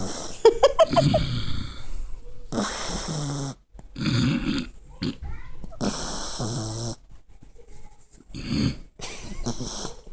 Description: Puppy copies my bf snoring